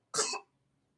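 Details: Baby coughing: a single short, dry, high-pitched cough.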